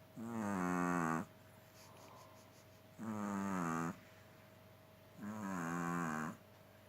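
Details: Three long, buzzing, voiced snores about every two and a half seconds with quiet pauses, from a sleeping pet Chihuahua dog; snoring.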